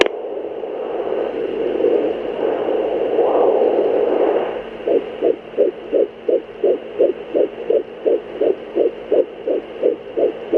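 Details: Fetal heartbeat on Doppler: whooshing static gives way to a fast, regular, galloping pulse.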